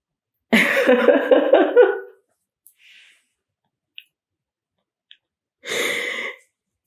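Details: Adult woman with a hoarse voice gives a burst of rough coughing and throat clearing, then a shorter follow-up cough.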